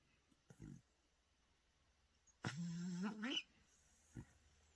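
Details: Dog sleeping and snoring loudly: a drawn-out rattling snore lasting about a second, with brief snuffles before and after.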